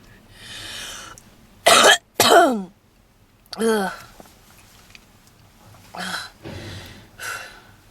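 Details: Redhead woman smoking a cigarette in a car. Two harsh, forceful coughs, then rougher throat-clearing coughs with noisy breaths and wheezing. Smoker's cough linked to long-term cigarette smoking.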